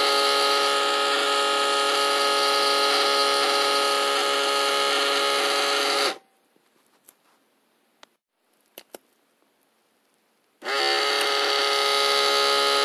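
Steady buzzing pump whine as the cuff inflates, a pause with a few faint clicks, then the pump restarts; an automatic blood pressure machine.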